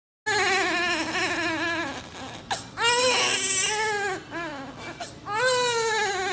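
Repeated high, wavering cries with short catching breaths between them, the cry of a premature low-birth-weight newborn.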